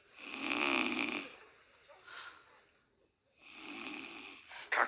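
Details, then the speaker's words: Simulated snoring acted out by a performer in a stage comedy sketch: exaggerated, raspy imitation snores, not real snoring. "Что ты опять будешь храпеть Я не усну я Коль принцесса не храпят"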